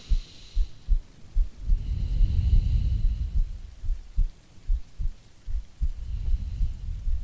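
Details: Soft, regular low thumps at about 74 a minute from an adult woman lying down in an ASMR sleep-aid recording with breathing, under rain and distant thunder; normal heartbeat.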